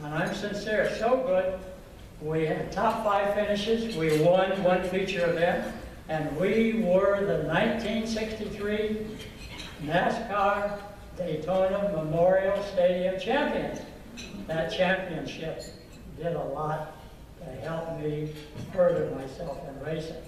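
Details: Adult man who has stuttered since at least 3rd grade and says stuttering took control of his life; stuttering.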